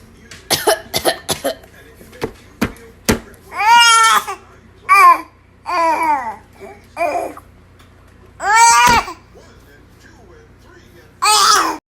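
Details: Infant, mimicking coughing since about 4 months old, gives a run of short, sharp playful voluntary imitated cough sounds, then voiced babbling and squeals; harmless imitation.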